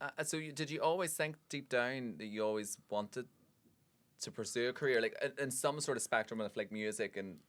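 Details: Adult male speaker; Normal fluent speech.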